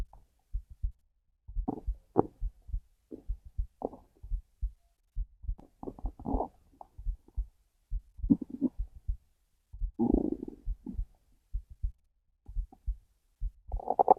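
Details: Heartbeat with hungry stomach growls: regular soft low heartbeat thumps, about 80 per minute, under gurgling, rumbling hunger growls from the stomach.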